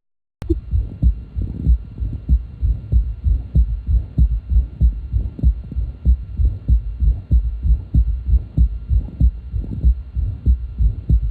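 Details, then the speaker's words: Quieter example of third heart sound (S3) heard with stethoscope bell at left ventricular apex: regular heartbeat near 95 a minute with soft low-frequency extra sound after S2, waxing and waning in amplitude; pathological in adults, suggesting left ventricular failure. "The next example of a third heart sound will be somewhat quieter than our first example. Again, we're listening with the bell of the stethoscope at the apex of the left ventricle. You'll hear the third heart sound wax and wane in its amplitude."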